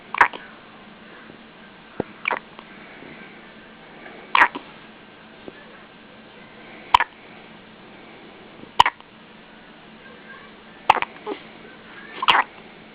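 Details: A baby hiccupping: a run of brief, sharp catches of breath about every two seconds against steady room hum.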